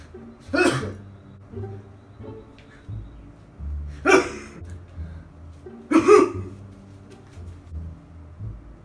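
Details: Three sharp, explosive sneeze bursts, shown as different types of sneezes, spaced a few seconds apart over soft background music.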